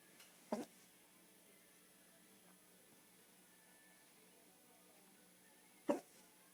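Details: Drunk person with hiccups: two short, sharp hiccup sounds about five seconds apart against quiet background hiss; hiccups.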